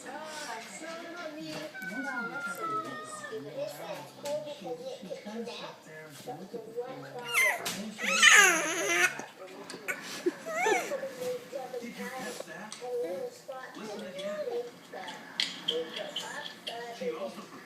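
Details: An infant, said to have hiccups, fusses and cries in uneven wails, with a louder crying burst partway through; room sounds and adult talk behind; infant cry.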